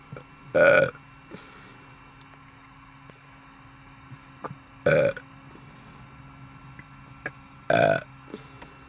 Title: One minute of burping